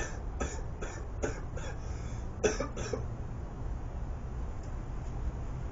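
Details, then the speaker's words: Several soft, muffled coughs over a steady low room rumble, deliberately coughed as loud as possible into a cylinder about 12 feet from the camera, as a test of keeping a cough quiet. "but about 12 feet away I coughed as loud as I can into this thing"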